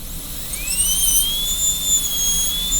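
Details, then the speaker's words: Steady high-pitched whine of a high-speed dental drill, pitch shifting slightly as the bur cuts during the first gingival extension of a class II disto-occlusal preparation on tooth number 5, in student training. "So drill a hole, cut away from that side, put the burr against this wall, drill a hole, cut away from this side."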